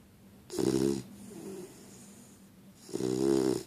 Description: Pocket snoring